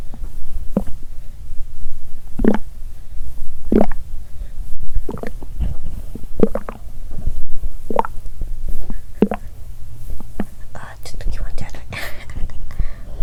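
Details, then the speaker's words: Bowel sounds about 3 hours after a meal, lying down after drinking much water: irregular low gurgles and watery rumbles from the belly; normal digestion. ""Я выпил много воды, поэтому я слышу звук воды👂"."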